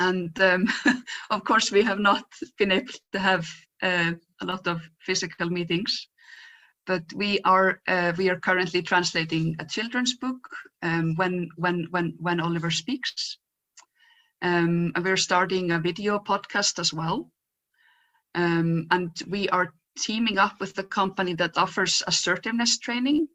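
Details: Real stuttering in an adult woman who says her stutter is quite obvious today; stuttering.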